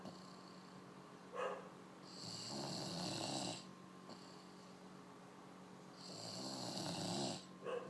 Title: The snoring beauty